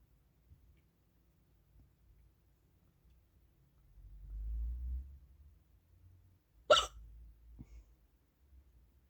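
Quiet room with low rumbling, then one sharp, abrupt hiccup; an ordinary single hiccup.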